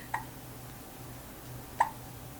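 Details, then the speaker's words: Two brief, sharp hiccups about 1.7 seconds apart in a quiet room. These hiccups start after burping, which reportedly happens every time as food digests. "Burp करने के बाद हिचकी लग जाती है हर दफा व हजम होता है ना"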